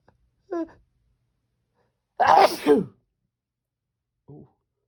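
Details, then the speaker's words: Pretty desperate, strong sneezes with a few stifles mixed in: a sharp, forceful sneeze burst with brief exhale between fainter vocal sounds; male sneezer. "Jeez, these are strong. Achoo. Oh. Achoo. Oh, I tried."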